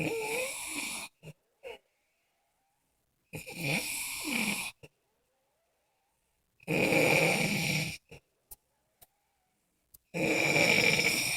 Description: My boo snoring